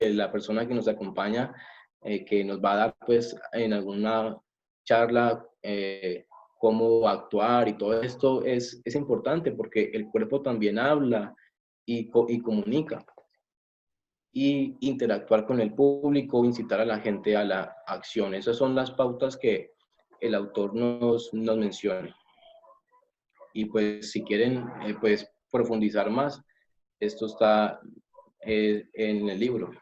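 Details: Adult male, self-described person who stutters, speaking Spanish; stuttering.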